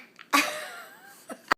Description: Aiden buzzing out on mommy sneezing